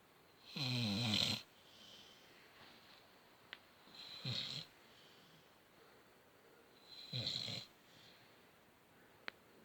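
Three rough, rattling snores from a sleeping dog, a few seconds apart, with quiet breathing between them in a small room.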